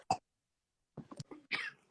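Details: Woman's uncontrollable coughing fit: a sharp cough, brief pause, then a run of choppy voiced coughs and a harsh forceful cough.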